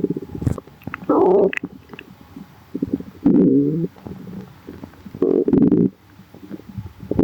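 Loud, low gurgling growls in several long bursts with softer bubbling between, typical stomach growling from gas and fluid moving through the gut.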